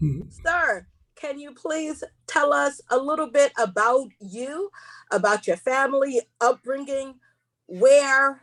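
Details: Woman who identifies herself as a stutterer, with stuttering heard while hosting a seminar; she warns listeners she will stumble across words: stuttering.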